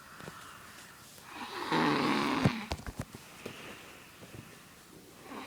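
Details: Little brother snoring loudly while asleep: a single rough, rattling snore on breathing in, followed by a few soft snorts in a quiet room.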